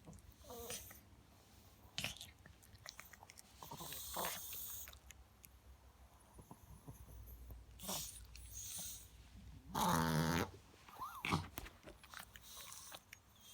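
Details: Chihuahua dog making bursts of loud honking, snorting inhaled noises; a reverse-sneezing episode.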